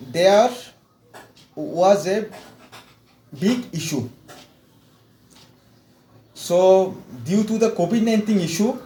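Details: Stuttering in an adult man from India with severe stammering since childhood, after 4 weeks of fluency training; repetitions and long pauses are heard.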